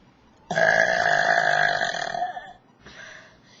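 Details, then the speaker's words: Deliberately forced burps, trying to make them as big as possible: one long, loud, resonant belch of about two seconds, then a softer short one. "Hey guys, I'm just going to try to make really big burps, like bigger burps than the last video."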